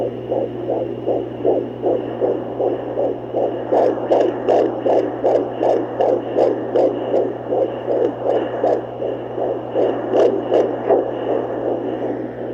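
Rapid, regular whooshing pulses about 155–160 a minute over a steady hum: a fetal heartbeat at a normal rate for mid-pregnancy.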